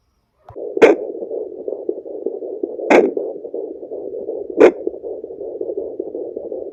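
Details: A home fetal Doppler at about 19 weeks of pregnancy picks up a fast, steady galloping pulse through hiss, with a few probe knocks; fetal heartbeat on Doppler.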